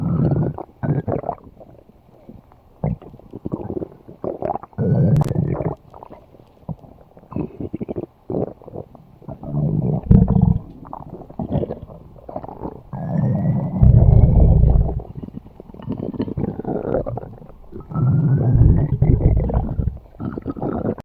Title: Umbrella Stomach Growl